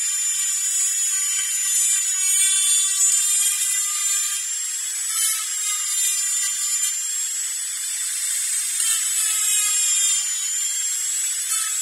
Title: Dentist Drilling